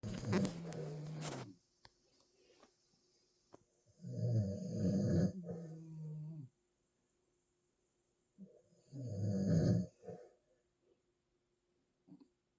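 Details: Loud, low rattling snores on inhalation, several seconds apart, from a sleeping husband and dog Harley snoring together, quiet room between: snoring.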